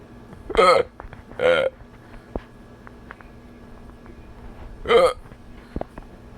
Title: How my friends gave me hiccups